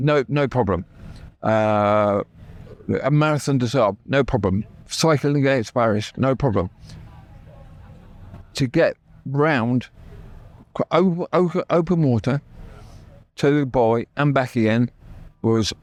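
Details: Adult man with persistent aphasia after a near-fatal stroke that paralysed his right side; he had to relearn speech, left hospital able to say only three words, and still knows what he wants to say but words come out differently.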